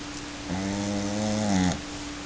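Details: Dog asleep: a single drawn-out, buzzing, voiced snore over quiet room noise; snoring.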